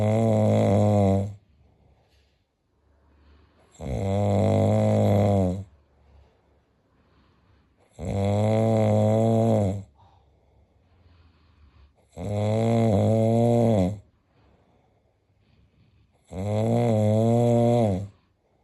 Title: Snoring friend